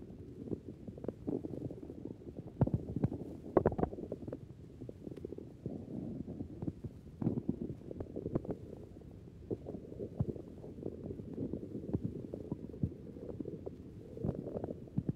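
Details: Stethoscope on the belly wall of a normal hungry man who has just smoked a cigarette: frequent gurgles, clicks and rumbles, normal but very active (hyperactive) bowel sounds.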